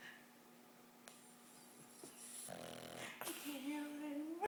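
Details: Boston Terrier snoring and dreaming, sleeping hard: soft snorting breaths with a few whimpers and squeaky dream noises.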